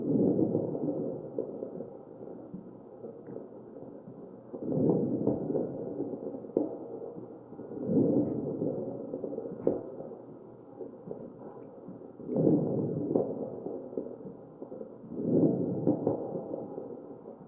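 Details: Crackles in a real ventilated patient, chest auscultation.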